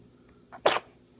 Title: 2/05/16 Little baby sneezes